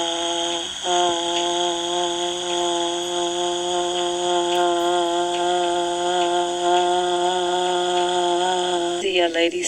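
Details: 62-year-old woman with vocal fold nodules, overall severity rated just above moderate, who reports constant strain to produce her voice; hoarse, breathy, strained sustained vowel during a maximum phonation time task; vocal fold nodules (dysphonia on sustained vowel).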